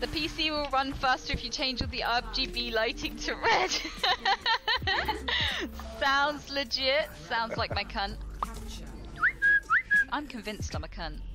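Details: Female streamer with Tourette syndrome, who also mentions motor tics, during live streaming; involuntary vocal tics of interjected obscene or nonsensical words and phrases, some bleeped; Tourette syndrome vocal tics.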